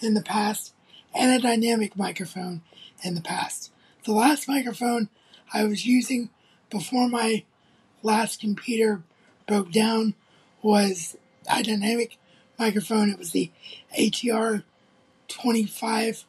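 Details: Adult male with cerebral palsy, recorded on a phone, reporting little trouble speaking but a different, somewhat weak-sounding voice; mild dysarthria in cerebral palsy.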